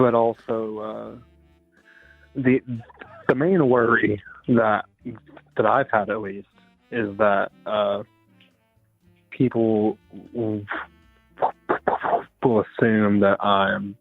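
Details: Adult woman with a self-described speech impediment, speaking with disfluency; speech impediment with disfluency.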